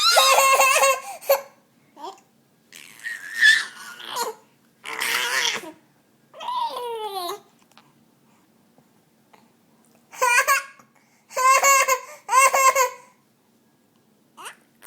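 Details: Child laughing with hiccups: bursts of bright laughter broken by sudden catches as hiccups interrupt the laughing.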